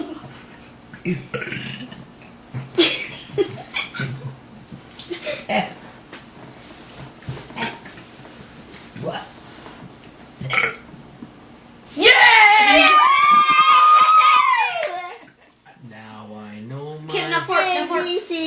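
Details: Girl deliberately burping the alphabet amid room chatter and laughter: a long, loud, drawn-out voiced belch with rising and falling pitch, then a shorter one.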